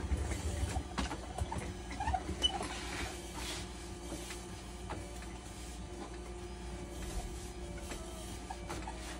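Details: Dialysis machine resuming its heat disinfection cycle after a leak was found during disinfection and a broken tie wrap was replaced; irregular mechanical clicking, ticking and faint creaks over a low steady hum.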